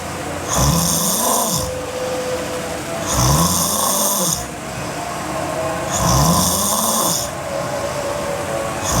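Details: Sleeping girl snoring hard: loud, rough snores about every 2.7 seconds, roughly 22 a minute, with a rising tone on each breath in; heavy snoring.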